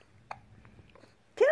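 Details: Young infant boy with hiccups while trying to talk: one soft, abrupt click-like catch followed by a brief infant vocal sound in a quiet room; a single hiccup.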